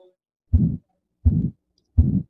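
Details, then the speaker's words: Thin elderly woman with tachycardic irregular rhythm (atrial fibrillation), crackles, elevated JVP: harsh crescendo-decrescendo systolic murmur obscuring S2; aortic stenosis, echo showing calcified aortic valve, valve area 0.6. "you can hear that it kind of has um a crespendo de crescendo character and there's obscuration of the s2 and so this is a patient that um likely has um aortic stenosis"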